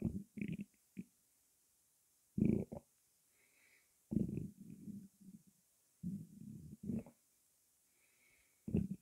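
Short gurgles and bubbling rumbles come in bursts, with quiet gaps between. Active bowel sounds, stomach gurgling after a fizzy drink.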